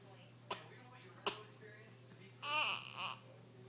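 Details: Baby with hiccups, upset by them: two sharp hiccup-like catches, then two brief whiny infant cries over a low steady room hum.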